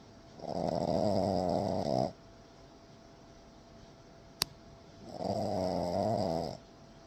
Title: snoring frenchie #frenchie #frenchies #doglover #frenchbulldog